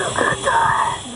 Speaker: gasping weezing it's a severe asthma attack what you're hearing is the struggle to pull air into the lungs through Airways that have spasmed closed